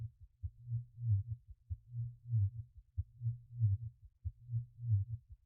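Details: Heartbeat sound from a subliminal dhikr audio track: steady, deep, low thumping beats in pairs, slow at roughly 47 per minute, with no other sounds.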